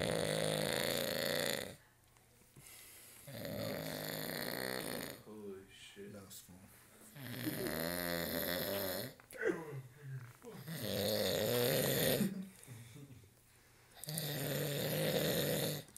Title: Grizzly Snore Round 2 (STx)